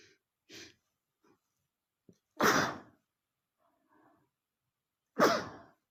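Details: A man sneezing, attributed to a dusty book: two forceful sneezes, each preceded by short catching inhalations.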